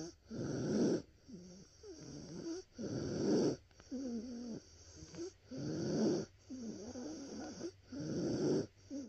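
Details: Child with croup, a viral illness of the larynx and trachea: harsh, seal-like barking coughs with noisy, whistling breaths between them.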